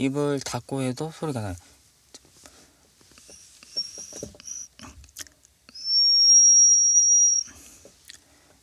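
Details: Male who attributes his whistle ability to lumps on both vocal folds found on laryngoscopy after a painful coughing episode; whistle made with mouth closed, heard through the nose; whistle register phonation.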